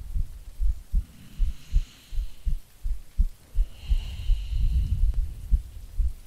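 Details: Soft, regular low thumps near 80 a minute from an adult woman lying down in an ASMR sleep-aid recording with breathing, faint rain behind; normal resting heartbeat.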